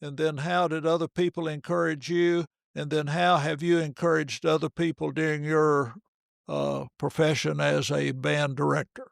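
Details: Adult male speaker; normal fluent speech.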